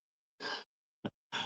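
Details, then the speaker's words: A sleeping dog snoring loudly, three short, noisy, rasping breath sounds. "She's snoring her butt off over there."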